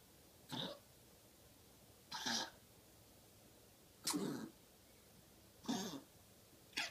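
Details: 13-year-9-month-old Chihuahua with mitral valve regurgitation, diagnosed 6.5 years ago and on medication, with no more attacks. About five short, harsh, dry coughs that seem laborious.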